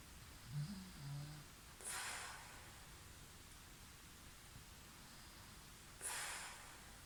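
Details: Snoring in sleep: low rumbling snorts followed by airy, hissing breaths, about 14 breaths a minute.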